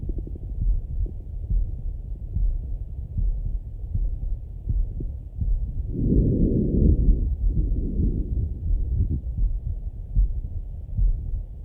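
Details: Stethoscope auscultation of a male's chest: low muffled heartbeat, about 80 beats per minute, with soft breath sounds rising and falling under it; normal heart and breath sounds.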